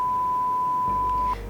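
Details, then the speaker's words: Pure-tone audiometry hearing test signal from an audiometer, delivered through headphones or a bone vibrator on the mastoid; the patient presses a response button on hearing it: a steady, clean mid-pitched tone lasting about 1.3 seconds. "ป่วยจะต้องกดปุ่มตอบสนองทุกครั้งที่ได้ยินเสียงสัญญาณค่ะในขั้นตอนการตรวจผู้ตรวจจะทำการควบคุมความถี่และความดังของเสียงที่ใช้ทดสอบผ่านเครื่องมืออิมิเตอร์"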